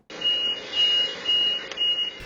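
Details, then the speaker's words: Repeating high-pitched beeps, about two per second, over room noise from a hidden camera in a nursing home room: device alarm after a woman's breathing tube disconnected; attorney claims she was suffocating; breathing tube disconnected alarm. "the beeping you hear is an alarm the tube that helps her breathe is no longer connected our view is she is she's in the process of suffocating"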